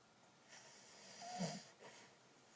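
A single soft, rattling snore on breathing in, followed by a quieter breath out, over faint room noise.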